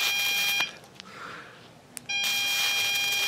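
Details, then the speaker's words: Electrocautery used during removal of three lipomas from a patient's arms: a steady high-pitched electronic tone sounding in bursts with a brief pause, the electrocautery unit tone. "Okay, so there's a little electrocautery, and shouldn't feel it, but you'll hear it."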